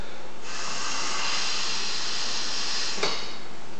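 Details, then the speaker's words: Steady hissing rush of air escaping around a size 4 i-gel, a non-inflatable supraglottic airway, in a TruCorp manikin during ventilation; sizeable leak at relatively low pressure, simulated; supraglottic airway leak. "we are getting leaking at a relatively low pressure as compared to a tunic"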